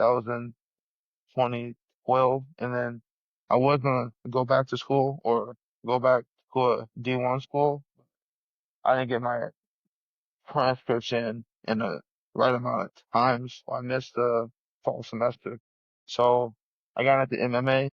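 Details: 34-year-old man with a lifelong stutter since childhood that persists in adulthood, stuttering hard especially on 's' words and his own name; stuttering.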